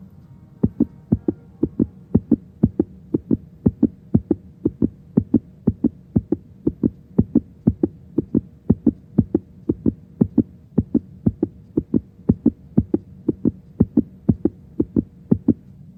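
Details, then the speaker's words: Simulated nursing scenario, young girl under droplet precautions for pertussis: stethoscope auscultation gives regular paired heartbeats, about 100 a minute, clear S1 and S2, no murmur; lung sounds coarse without crackles or wheezes. "And then I could hear S1 and S2 heart sounds pretty clearly."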